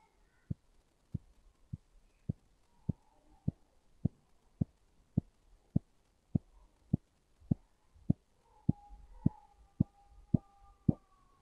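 Regular soft thumps about 102 a minute while the cuff deflates, with faint background hum; Korotkoff sounds during a manual blood pressure check.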